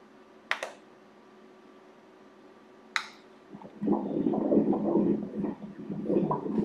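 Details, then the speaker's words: Normal fetal heartbeat at 15 weeks 2 days of pregnancy on ultrasound: fast, rhythmic, whooshing Doppler pulses at 152 beats per minute. "[DOCTOR] Look at the heart, how beautiful! 152 beats per minute 152 152 beats per minute."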